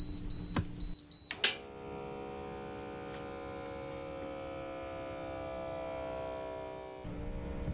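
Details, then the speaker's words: Digital home blood pressure monitor: button beeps, then a steady motor hum as the cuff inflates for about five seconds, collapsing the artery before the systolic measurement; a doctor's self-demonstration of an automatic cuff inflating. "top number is a systolic that's the number as the is inflating is going to collapse my artery"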